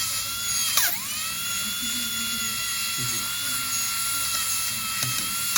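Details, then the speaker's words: Steady high-pitched whine of a dental drill with brief pitch dips as the needle-form bur touches the tooth, faint music; beveling enamel before composite restoration to close a diastema. "so I need to decrease this area and I will do billing usually How We Do Bing with needle form bear it could be green blue whatever you"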